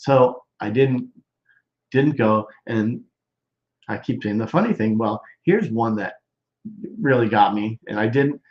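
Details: Broca's expressive, non-fluent aphasia in a male stroke survivor more than 13 years post-stroke, with word-finding difficulty, trouble with function words, word substitutions and halting speech.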